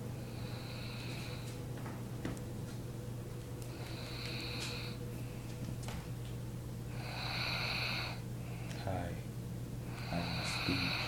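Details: Snoring from a person who is digging in his nose while snoring.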